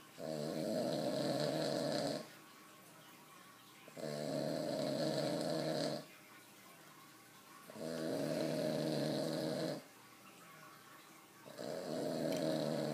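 Regular, loud, rattling snores about every four seconds, around 15 breaths a minute, with quiet exhalations between; ordinary sleep snoring.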